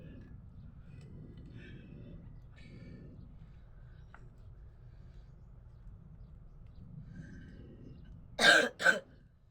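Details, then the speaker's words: Person with hoarse voice and severe cough from a cold, coughing while making the bed after waking. "গলা ভেঙে গেছে আমার হাতে ঠান্ডার কারণে প্রচন্ড খাসি হচ্ছে"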